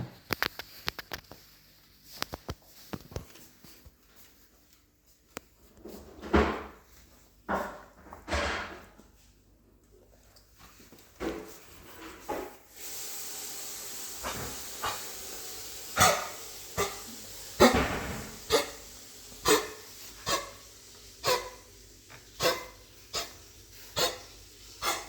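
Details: Dog coughing: a series of short, harsh bursts after scattered clicks and quieter hacks in a small room.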